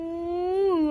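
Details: Newborn baby monkey crying loudly, apparently after a head injury: a single drawn-out, high, tonal wail rising slightly then falling, an infant monkey's distress cry.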